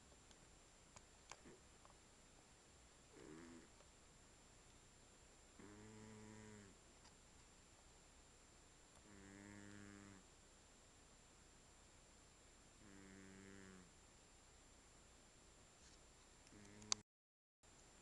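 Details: Soft, regular buzzing snores about every three seconds from a sleeping ginger cat in a quiet room; snoring.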